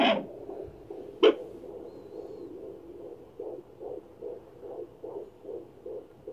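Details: Fetal heartbeat at 15 weeks of pregnancy on a Doppler: rapid, regular whooshing pulses at roughly 150 to 160 beats a minute.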